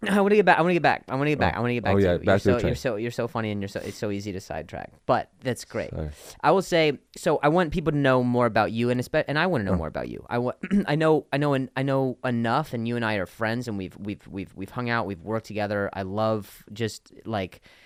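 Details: Adult male comedian whose stutter began after an injury and has since improved a lot; clip has part-word and whole-word repetitions; stuttering.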